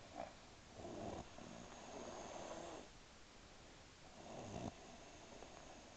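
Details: Rough, rattling inspiratory snores with quieter pauses between, from an old Scottish woman; ordinary snoring.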